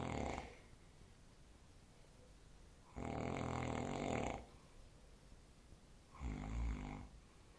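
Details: An adult man (the father) snoring loudly "like a tractor" in a quiet room, with about three long, rough, rattling breaths and quiet pauses between them.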